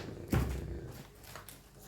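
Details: A single low, rumbling snore from a sleeping pet dog, followed by quiet room noise: dog snoring.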